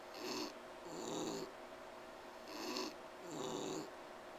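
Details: Noisy, rasping breaths with a whistling edge on both inspiration and expiration, about four cycles in four seconds, from Bogey while trying to sleep; wheezing.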